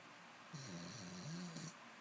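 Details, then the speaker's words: Sleeping puppy snoring: one brief, soft, wavering snore over steady background hiss and a high tone. "Were you snoring? You were snoring."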